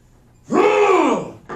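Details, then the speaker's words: Simulated: an adult instructor voices one strained, drawn-out grunt on a forced breath out, imitating a child in respiratory distress actively pushing air out; expiratory grunting. "grunting why do kids grunt they're pushing they're physically right exhalation is supposed to be passive you're relaxing"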